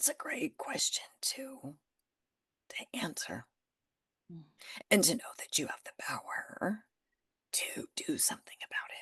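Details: Adult woman who developed spasmodic dysphonia after stress and illness while building her business, treating it naturally without Botox and saying it remains audible in her voice; spasmodic dysphonia.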